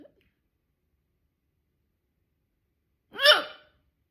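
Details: One loud, abrupt voiced 'hic' after a long silence, from a persistent bout of loud hiccups that would not stop despite holding the breath.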